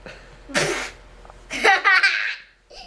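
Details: Man with a single sharp, explosive sneeze burst, followed by laughter; sneezing.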